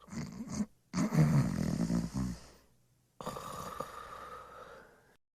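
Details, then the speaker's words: Snoring of a sleeping adult used in a dementia cognitive-training sound quiz: rough, rattling inspiratory snores separated by pauses. "이것은 사람이 내는 소리입니다 사람이 잠잘 때 내는 소리입니다"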